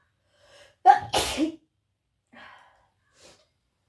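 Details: Wet, snotty sneeze: a sharp, moist sneeze with a brief lead-in breath, followed by faint snuffles; congested sneezing.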